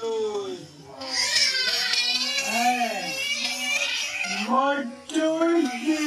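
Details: High, wavering, drawn-out cries with brief pauses from a hungry baby monkey, Libby, left without milk for a long time: infant monkey crying.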